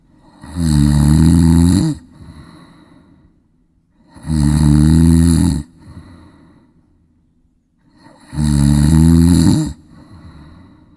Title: Funny Snoring#Sound Sleep#Trending#Shorts#Youtube